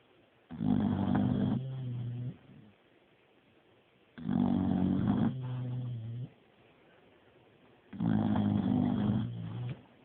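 Three loud, rumbling, rattling snores about every four seconds, roughly 15 breaths a minute; heavy snoring in sleep.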